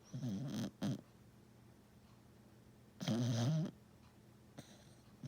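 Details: Pet snoring: short, low, rattling snores with quiet pauses between in a quiet room; snoring during sleep.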